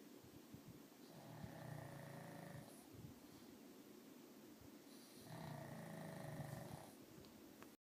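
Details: Remo snoring: two slow, low, buzzing snores about four seconds apart, over a steady background hiss.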